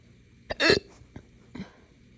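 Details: Adult with hiccups mixed with burps after drinking morning coffee too fast on an empty stomach; a brief sharp hiccup, a louder throaty burp, then two smaller hiccups.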